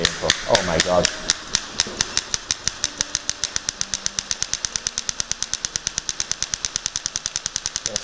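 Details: Radial shockwave handpiece with domed head firing at maximum pressure on a combined air-compression and electromagnetic device; rapid sharp cap-gun-like cracks steady at about two per second, brief talk at start.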